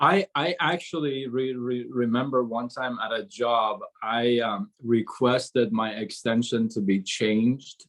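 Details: Stuttering in an adult man, onset around age six, severe from about age 13–14 to 24 when he could hardly speak a word, with gasping for air and chin shaking; still stutters on certain sounds such as "seven".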